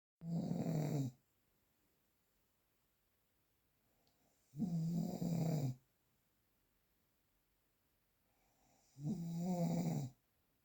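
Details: Real, unprocessed snoring recording: three loud, rattling snores about 4.5 seconds apart with near silence between, roughly 13 breaths a minute.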